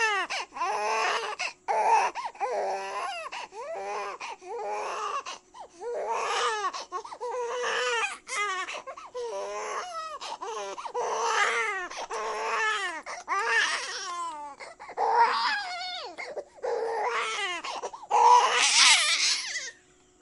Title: Baby Cry Sound Effect 1098